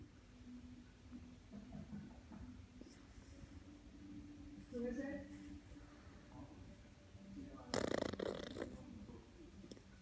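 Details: Soft, irregular snuffling snores with a brief louder snort or rustle near the end from a sleeping miniature dachshund puppy in a quiet room; snoring.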